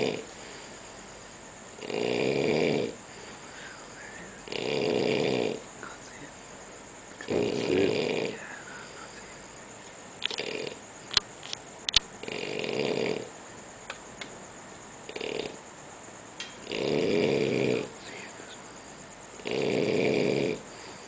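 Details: Loud, rough snores repeating steadily about every 2.5 seconds, roughly 24 per minute, with faint room noise and a few clicks; heavy snoring.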